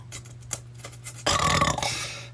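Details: An 11-year-old trying and failing to sneeze, possibly with allergies in September: a single rough, rasping burst under a second after quiet room noise, consistent with a burp.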